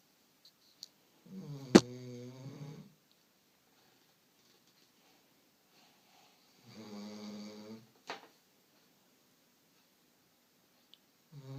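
Two long, buzzy, low-pitched breathing sounds with quiet gaps between them, typical of a sleeping dog's snoring.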